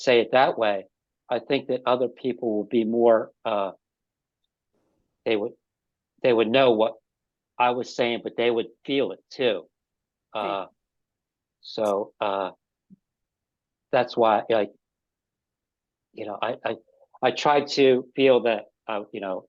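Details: Adult man with aphasia after an ischemic stroke five years earlier, speaking haltingly with frequent pauses and fillers; aphasia after stroke.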